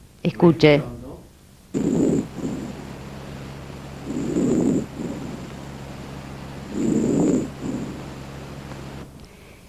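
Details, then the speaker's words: Loud, harsh, hollow breath sounds in three cycles over a steady hum, with pauses between breaths: normal laryngotracheal (tracheal) breath sounds on auscultation during a respiratory physical examination teaching demonstration. "entre los hallazgos normales se ausculta el soplo respiración laringotraqueobronquitis"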